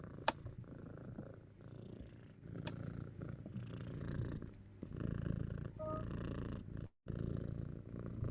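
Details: Rapid rumbling purr-like noise with each breath from a cat used as the patient, played back in a veterinary respiratory diagnosis class as an abnormal breathing sound; heart sounds cannot be fully eliminated and still influence it.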